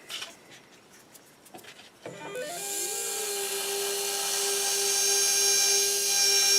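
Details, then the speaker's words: 1.2 mm pilot drill preparing an implant osteotomy on an upper maxillary arch for narrow-diameter overdenture implants, angled along ridge morphology with pumping motion; steady high-pitched motor whine, technique demonstration. "our 1.2 millimeter pilot drill with the proper angulation i'm going to angulate here following the ridge morphology and slowly pumping in and out allowing for nice proper implant position"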